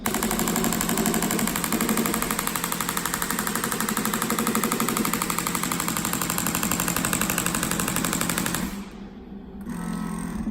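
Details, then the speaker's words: Storz radial shockwave therapy device set to 2.5 pressure and frequency 12, delivering 2000 pulses before stopping automatically: fast, steady mechanical tapping, then a brief pause; shockwave device firing. "donc ici on est à 16 on descend à 12 et voilà l'appareil va faire ses 2000 impulsion et lorsqu'il va atteindre 2000 il va s'arrêter automatiquement"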